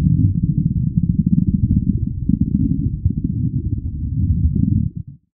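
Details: Human stomach sound-effect recording: steady, deep, low rumbling and gurgling, continuous for several seconds; stomach growling, churning hunger bowel sounds.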